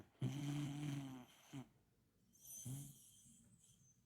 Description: How can such a tiny dog make a sound like a middle-aged man snoring? ㅋㅋㅋ If you listen until the end, you’ll definitely get addicted to those deep rumbles!